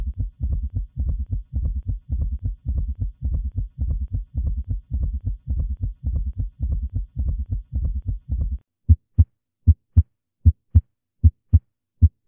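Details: Teaching heart-sound audio: summation gallop, where third and fourth heart sounds merge, as with PR-interval prolongation.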